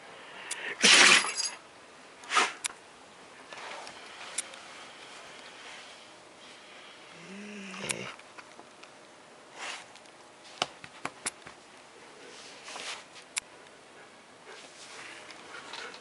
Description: My Husky has a sneezing fit.